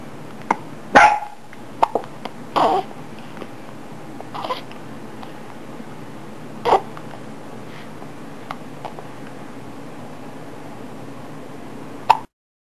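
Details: Several abrupt, brief voiced hiccups spaced several seconds apart over steady room hum.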